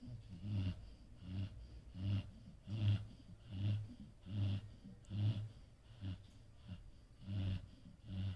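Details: Rhythmic, low, snorting snores at roughly 75 a minute, rapid and fairly regular, with a faint whistling edge on each breath; snoring.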